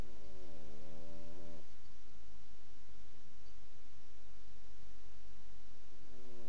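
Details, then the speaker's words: Small sleeping dog snoring: a buzzing, tonal snore on each in-breath, then a softer rumbling out-breath before the next snore. "You're too pretty to snore. You can't even hear me when you're snoring."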